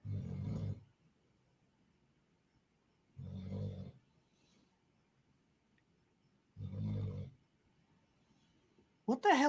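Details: Snoring: three rough, low, rumbling snores at a steady pace, about 18 a minute, with quiet pauses between them, then a brief sharp noise.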